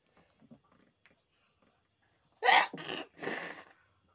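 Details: During a paper sneezing challenge, quiet breathing is followed by a sharp burst and two more forceful sneezes in quick succession: an ordinary sneezing fit.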